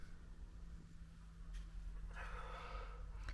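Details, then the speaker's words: Two sleeping dogs in a van after a walk, one older: faint, rough, snorting snoring breath over a steady low hum in a small space. "So I was filming to see if you could hear them snoring. Peaches has been woken up. Daisy's kind of been woken up. But yeah, they've been snoring away."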